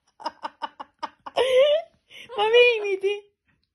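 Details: Parrot (named by owner) imitating its owner's winter cough: quick hacking bursts followed by two longer, throaty, voiced sounds; learned mimicry, not illness.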